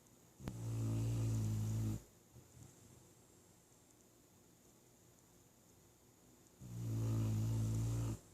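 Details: Sleeping dog: two deep, droning snores about six seconds apart, quiet between breaths; steady snoring during sleep.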